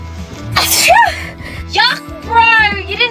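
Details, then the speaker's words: A loud, explosive sneeze burst in a car from a sibling, followed by voiced exclamations over background music; sneezing. "I can literally see the sneeze particles in the air. You disgusting pathogenic person."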